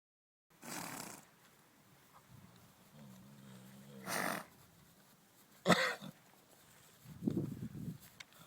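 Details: Ponies infected with equine influenza virus: about four harsh, hacking coughs typical of the infection.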